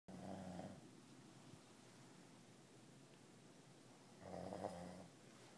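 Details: Two low, buzzing snores about four seconds apart over quiet room noise, described as very loud; a sleeping dog snoring.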